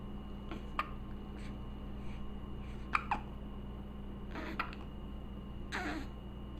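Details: Infant girl sitting in a baby chair with hiccups she dislikes: several soft, sharp hiccup sounds at irregular intervals over a steady background hum; ordinary hiccups.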